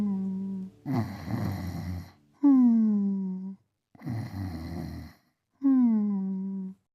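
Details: Film sound of the dog Beethoven sleeping, set to "Rock-a-Bye Baby": loud, slow snoring alternating rough inhaled snores with whistling, falling exhaled tones, about 19 per minute.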